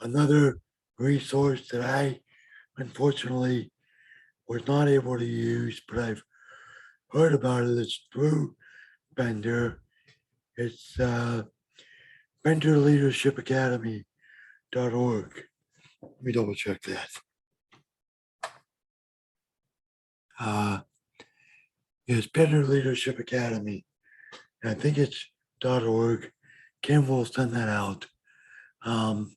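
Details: Adult man with bilateral severe hearing loss since early childhood, mild cerebral palsy, and a vocal cord damaged during surgery; deaf speech with dysphonia and dysarthria.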